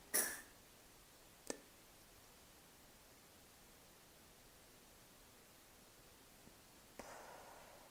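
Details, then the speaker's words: Closed-mouth metered dose inhaler technique without spacer: mouthpiece between teeth, tongue flat, lips sealed; brief spray puff with simultaneous deep inhalation, about 10-second breath-hold, then slow soft exhale. "put the mouthpiece of the inhaler in between the teeth keeping the tongue flat and the lips sealed around it and they will simultaneously hit the inhaler button and breathe in until they no longer can breathe in and then hold it for about 10 seconds and then exhale slowly"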